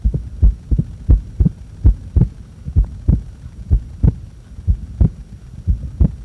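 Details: Normal heart sounds recorded during breath-holding: loud, clear paired thumps, about 95 beats a minute, with no breath noise.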